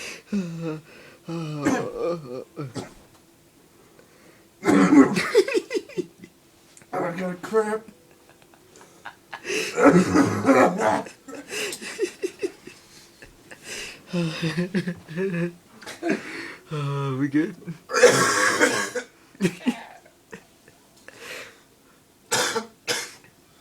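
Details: An adult has a prolonged coughing fit, with harsh cough bursts broken up by voiced laughter.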